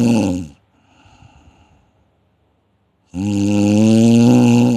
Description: Snoring is the hoarse or harsh sound that occurs when air flows past relaxed tissues in your throat, causing the tissues to vibrate as you breathe.